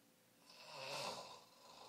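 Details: Snoring at 2:30 in the morning: a single rough, airy snore swells and fades over about a second on an in-breath in a quiet room. Snoring.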